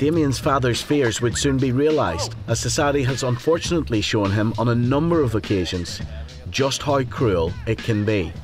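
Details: Adult male narrator; normal speech.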